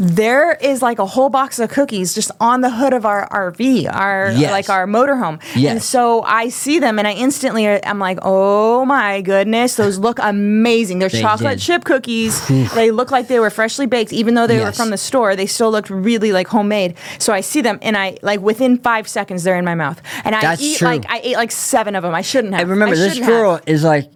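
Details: Adult woman; typical speech.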